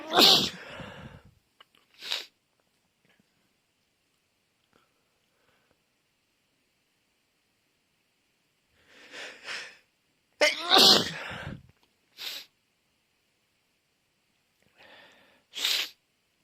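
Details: Two repeated sneezing fits during dusty conditions, each a loud sneeze followed by smaller sneezes, with quiet sniffing between.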